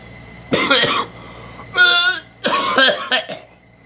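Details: An adult gives a few harsh, explosive coughs in quick bursts, with a brief voiced, tonal throat sound between them and faint room hum; real cough.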